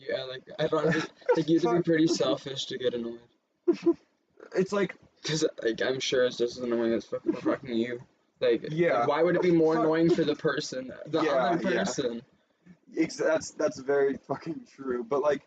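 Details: Young adult speaking casually; ordinary speech.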